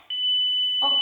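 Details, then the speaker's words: In-hospital defibrillation training in simulated adult cardiac arrest with adult pads and chest compressions; defibrillator voice prompts "don't touch patient, analyzing, shock advised, press flashing shock button" and a steady high-pitched alert tone signalling a charged shock is ready. "don't touch patient analyzing shock advised don't touch patients press flashing shock button"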